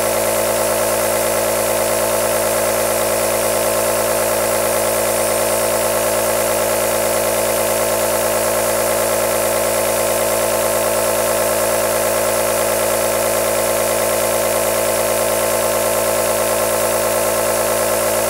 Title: AEROSOL Nebulizer Sound | 10 Hours White Noise - Black Screen | Calm, Relax or Sooth a Baby